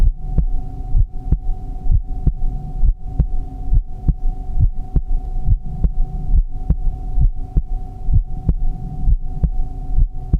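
Steady, regular heartbeat at about 68 beats a minute, deep soft thumps over a constant low hum.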